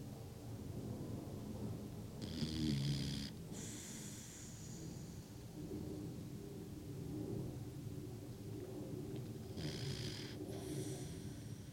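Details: Snoring: irregular low rumbling snores with snorting breaths and brief hissing exhalations.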